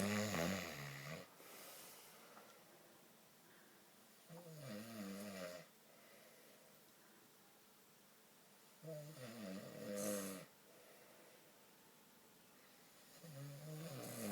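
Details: Loud, rattling snores from a sleeping dog on each in-breath, about four in fourteen seconds, with quiet pauses between them.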